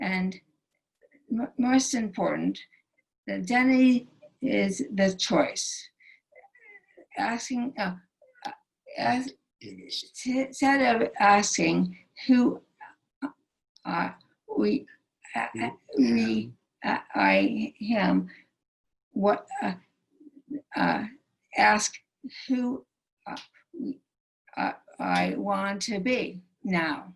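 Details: Aphasia in a female stroke survivor whose stroke initially took away all her speech; speaking remains difficult, with right arm and hand paralysis and a limp.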